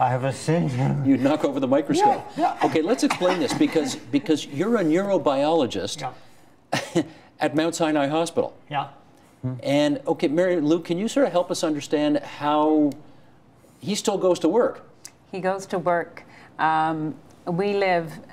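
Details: Adult male interviewer; Typical speech.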